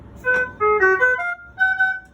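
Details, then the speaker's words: Series of loud electronic alarm tones from a 980 ventilator signalling severe occlusion: the arm rail or bed is kinking the tube and the patient is not being ventilated. "have a severe occlusion because your arm rail or your bed is kicking the tube and patient's not being ventilated."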